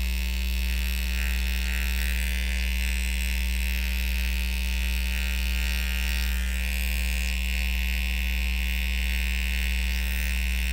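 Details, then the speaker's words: Réjuvapen microneedling pen in a facial treatment demonstration, zone 1, first pass: steady low motor buzz with hum. Speed is dialed for the patient, skin held taut, slow circular motions, and the patient rates comfort 1 out of 10. "Then take the pen dial the speed specific for the patient, hold the skin taut, do gentle, slow, circular motions, checking with the patient on the comfort zone."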